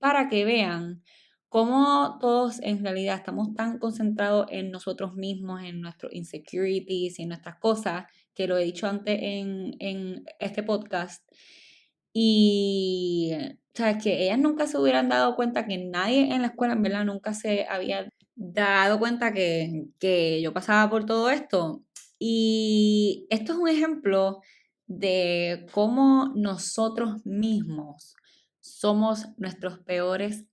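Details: Adult woman, stuttering since childhood, speaking Spanish; she says it is stronger in Spanish than in English, and milder when recording alone; stuttering.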